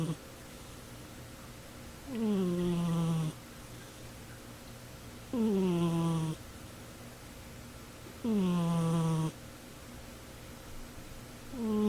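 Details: Cat snoring loudly while asleep on a chair: regular breathy snores with a falling tone, about 20 a minute, with quiet gaps between.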